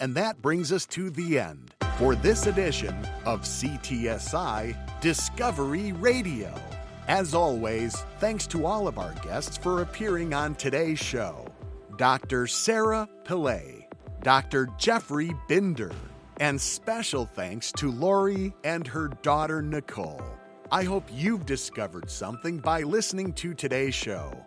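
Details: Adult male radio host; normal speech.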